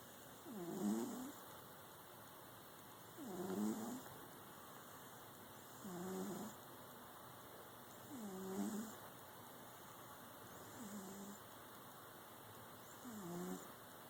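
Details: Pet cat snoring while napping, with soft, rattly rhythmic sounds about 23 times a minute.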